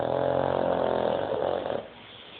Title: My dog snoring...